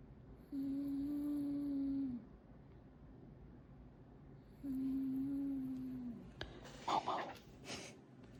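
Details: Cat snoring loudly while asleep: two long, steady, hum-like snores about four seconds apart with a tonal buzz on each breath, a person's voice afterward; snoring.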